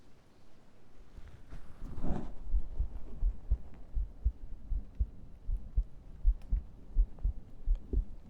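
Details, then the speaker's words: ASMR heartbeat recorded with a microphone placed against the chest over a t-shirt: a burst of microphone rustling, then regular low thumps at about 80 a minute, a steady heartbeat. "Welcome in the heartbeat. Strip the mic then. Oh my god. The heartbeat trigger is the most popular one here."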